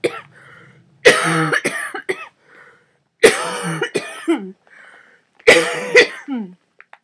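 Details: Adult with cystic fibrosis, very severely decreased lung function and just home from hospital: three harsh cough bouts of two or three coughs each, with a steady vibrating hum between them, during airway-clearance vest therapy.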